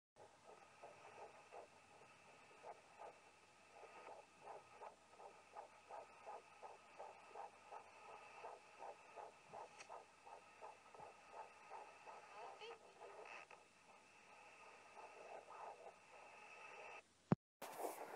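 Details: Fetal heartbeat on an at-home fetal Doppler at 11 weeks 3 days of pregnancy, found low on the left side of the abdomen; rapid, regular whooshing pulses, about 150 beats a minute.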